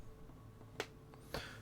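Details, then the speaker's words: Two sharp, brief clicks over quiet room hum: a knee popping (joint crepitus) as it moves. "that was my knee popping if you heard that noise um probably a little gross for you guys to hear"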